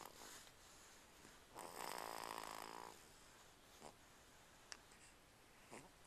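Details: Snoring: a single rattling snore of about a second and a half, with soft breathing and faint room noise around it.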